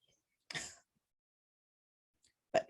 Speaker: i don't know if you can hear sneezing